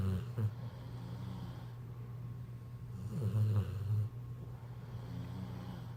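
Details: Snoring during sleep: low, buzzing snoring sounds with rough fluttering bursts over a steady room hum.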